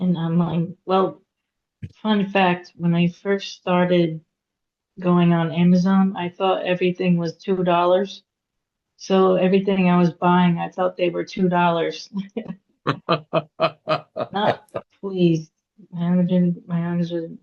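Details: Mild, recovered aphasia in a woman after a hemorrhagic stroke at age 36 (September 2018); she could not talk for 2 years and now speaks after recovery.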